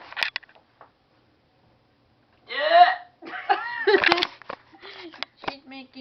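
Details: Speaking Spanish in short voiced phrases, broken by sudden sharp catches in the voice from hiccups.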